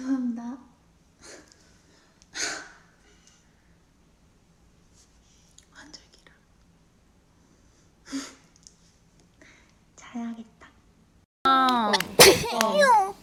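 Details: Soft whispery bursts and breathy snorts, then a loud high voiced sound at the end; stifled sneezes from a K-pop idol.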